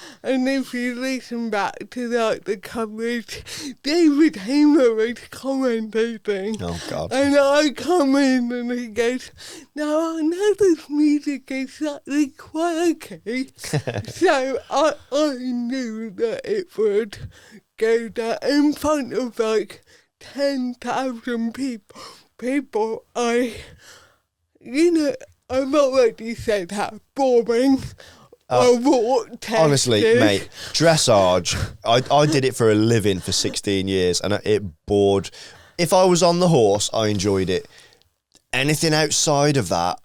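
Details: Adult woman, Paralympic dressage rider, with cerebral palsy from birth that affects her speech; real, not acted; dysarthria due to cerebral palsy.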